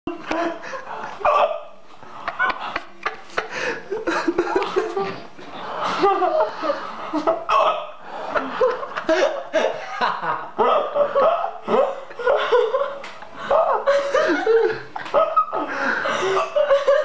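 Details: A Polish man with hiccups: repeated sharp hiccup gulps mixed with bursts of uncontrollable, helpless laughter.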